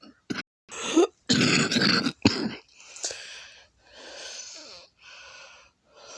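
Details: Adult with a lupus flare and congested lungs, coughing hard enough to vomit; back and chest hurt from coughing: four or five harsh, rattly cough bursts, then noisy strained in-breaths; wet productive cough.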